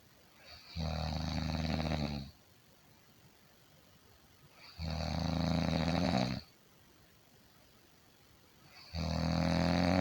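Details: Loud, low, rattling snores on each in-breath, at about 15 breaths a minute, with quiet pauses between; an ASMR recording of ordinary heavy snoring.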